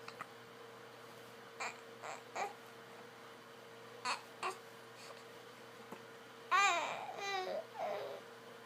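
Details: An infant, at 4am, gives several brief, abrupt hiccups, then a stretch of vocal babbling while learning to make noise. Normal infant hiccups.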